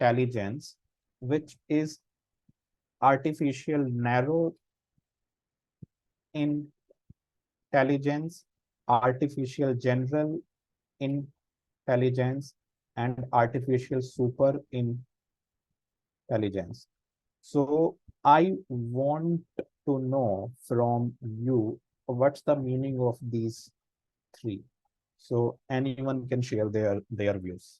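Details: Real stammering in an adult man, a senior volunteer of an Indian self-help association of people who stammer, with audible word repetitions during an online talk; stammering.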